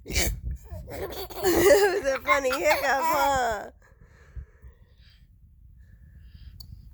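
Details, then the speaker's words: Mother's hiccups: a short, abrupt adult hiccup burst, then her infant's bubbly laughter with voiced squeals, fading into quiet room noise. "That was a good one. I can't help the hiccups. They just come out."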